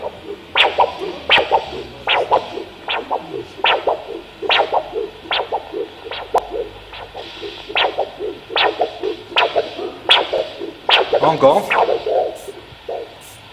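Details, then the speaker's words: Pocket Doppler probe at the elbow crease over the brachial artery during ankle-brachial pressure index measurement gives rhythmic pulsing whooshes, each a sharp swish with a softer trail. "alors on pose la sonde au niveau du pli du coude on recherche le signal le plus fort de l'artère numéral et lorsqu'on est sûr de la voir comme ici"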